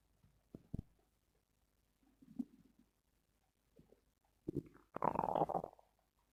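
Quiet gurgles and pops ending in a longer rumbling growl; normal bowel sounds.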